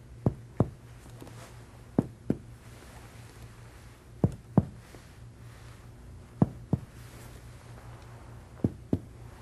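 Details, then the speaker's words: Healthy patient, anterior chest percussion over lung: ten hollow finger-percussion taps in five paired strikes giving a normal resonant note. "If you want to check the level of the right diaphragm anteriorly, percuss from resonant lung downward to liver dullness to oscultate the anterior chest."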